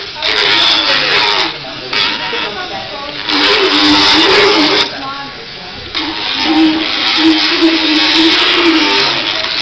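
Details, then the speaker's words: Motorized equine dental float rasping a horse's teeth: loud grinding, buzzing bursts with pauses between passes while the back four teeth are done after the front two. He feels no pain, just vibration. "not at all there is no pain on his tooth there's just a vibration and he'd rather be out munching and running"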